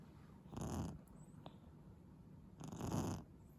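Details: Eight-month-old Japanese baby snoring while sleeping well: two soft rumbling snores on inhalation with quiet pauses between.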